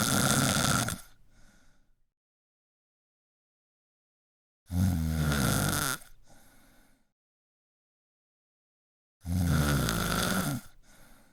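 Loud rattling snores on each breath in, about three in eleven seconds, with softer breaths out and silent pauses between.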